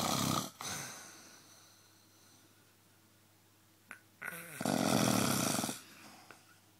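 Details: Two loud, rough snoring breaths separated by quiet, over a low room hum, from a sleeping person whose partner complains about it; ordinary snoring.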